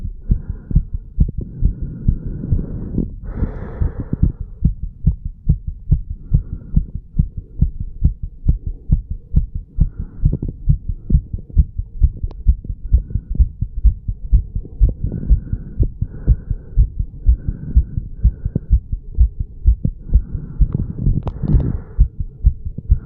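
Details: Fast, regular heart sounds near 130 a minute with breath noise between beats, recorded over the mitral and tricuspid valve areas of a 35-year-old man after pull-ups and breath holds; normal heart sounds after exercise.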